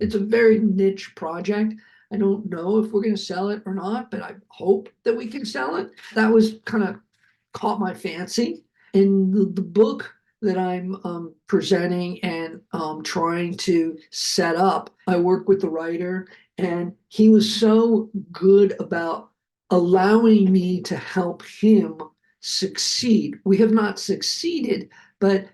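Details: Adult male film producer, a heart attack and aphasia survivor with multiple health challenges, speaking just after noting his aphasia was kicking in; aphasia.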